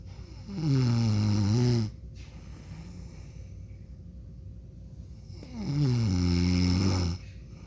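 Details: Adult man snoring while asleep, with repeated soft "mm" sounds, recorded for 1 minute 28 seconds.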